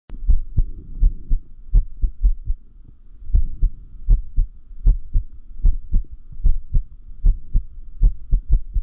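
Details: Irregular heartbeat (arrhythmia): low heart thumps with uneven spacing and a brief pause, from someone who notes arrhythmia increases with sleep deprivation.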